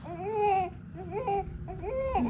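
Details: Newborn boy's cry just after a vaginal birth at 37 weeks to a 20-year-old first-time mother whose epidural failed: three strong, rising and falling wails in quick succession.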